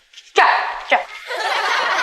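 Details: Acted film scene: a boy with Tourette syndrome, described as barking like a dog and having involuntary body movements, makes uncontrollable noises in class; vocal tics (Tourette syndrome).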